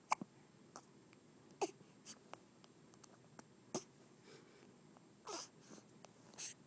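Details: 5-week-old baby girl with hiccups: brief sharp catches of breath recurring irregularly, about six in several seconds, in a quiet room; she passes stool at the end.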